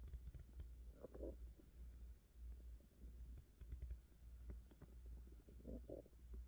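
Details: Low, soft gurgles and rumbles over a steady low hum, recorded against an adult woman's belly for ASMR; ordinary hunger-related stomach growling (borborygmi).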